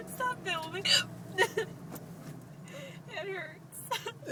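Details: Painful hiccups in a woman: short, sharp voiced catches recurring irregularly amid laughter, speech and vehicle noise.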